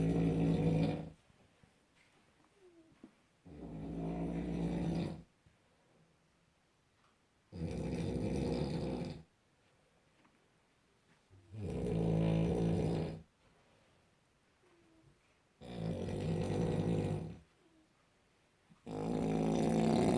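Loud, rattling snores about every three to four seconds, roughly 15 a minute, with quiet pauses between; heavy snoring.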